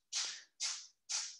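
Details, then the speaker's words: A very fat cat sneezing: three quick, sharp, hissing bursts in a row, each under half a second, in a quiet room. "if you hear that that is a very fat cat sneezing so it goes remote work"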